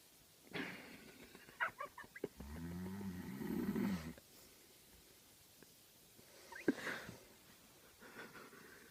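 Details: A sleeping man (cousin) gives one long, loud, buzzing snore on the in-breath, with scattered knocks and rustling around it as he is smacked repeatedly without waking; snoring.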